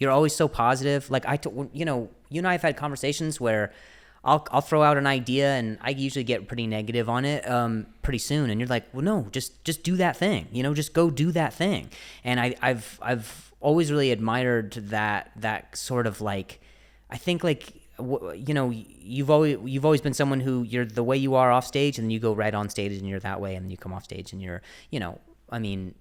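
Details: Adult man who stutters and mentions an injury; word repetitions; stuttering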